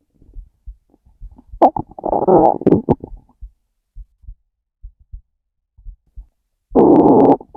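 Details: Two loud, gurgling rumbles with faint low heartbeat thumps between them; hungry stomach growling, bowel sounds (borborygmi).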